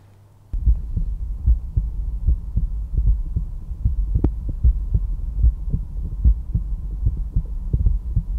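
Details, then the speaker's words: Real adult heart at rest, stethoscope at the tricuspid area, fourth intercostal space left sternal border: steady lub-dub at about 75 a minute, normal first and second sounds, no murmur. "valve and the pulmonary valve control the blood flow from the ventricles to the rest of the body and when they contract they create the second heart sound that we hear the dub dub dub dub dub"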